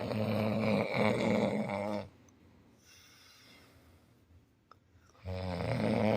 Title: How to deal with snoring